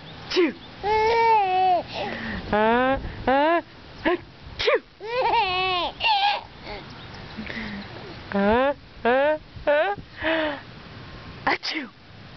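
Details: Baby who sneezes in threes when facing bright light, giggling while an adult fakes sneezes; short tonal infant squeals and cries in bursts, adult talk nearby.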